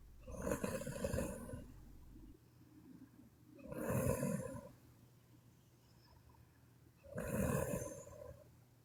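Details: Sleeping Chinese woman snoring: harsh, rumbling snores repeating about every three to four seconds, with quieter exhalations between.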